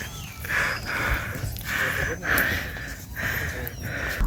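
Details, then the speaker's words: Loud, rapid, rhythmic heavy breathing from a tired hiker about 1.5–2 hours into an uphill climb of Mount Merbabu via the Suwanting route in the dry season, after reaching Lembah Ngerijan; heavy breathing after exertion. "tuh kan suara napas pendaki kedengaran banget."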